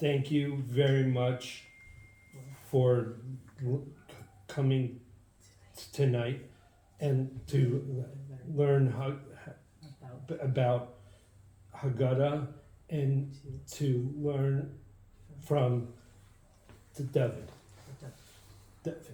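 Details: Adult man with aphasia after a stroke six years earlier that also caused memory loss and loss of use of an arm; has difficulty speaking, reading and writing; reading a prepared text aloud; aphasia after stroke.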